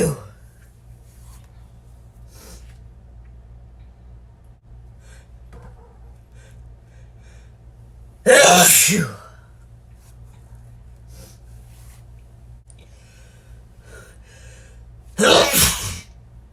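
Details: Sneezing: two loud, explosive sneezes several seconds apart in a quiet room, with faint breathing between.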